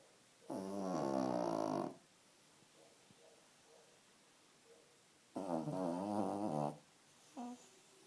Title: Funny Dog snoring